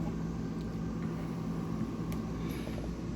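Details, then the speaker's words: Oxygen concentrator, bought for supplying oxygen to puppies, running: steady low motor hum with a faint whine; ordinary operating noise giving no sign of oxygen flow. "when you turn this thing on it just makes a noise and you don't know that there's pure oxygen coming out of this at all"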